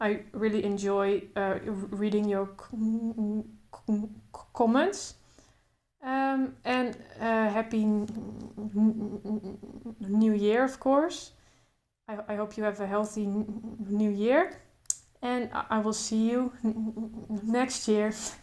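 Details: Adult woman who stutters, including blocks, speaking naturally without trying to control her stutter; stuttering.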